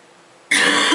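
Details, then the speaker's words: A single harsh, chesty cough after a moment of quiet from an adult woman who has been sick and says her chest cough has returned. "hear um I've got my chest cough again but hopefully one day soon it will go away cuz it's not much fun at the moment"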